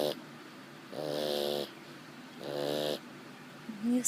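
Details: Sleeping pug snoring loudly and rhythmically, each snore a drawn-out, buzzing, tonal rattle.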